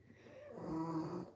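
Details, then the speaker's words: A single rough, buzzing snore, swelling in loudness over about a second; snoring. "ooh and I just heard a knock but you probably couldn't hear it over chunks snoring love him"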